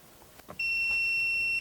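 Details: An AED in adult mode, with pads on the right clavicle and left flank, has analysed the rhythm and advised a shock; once charged it gives a steady, high-pitched continuous tone: shock-ready signal.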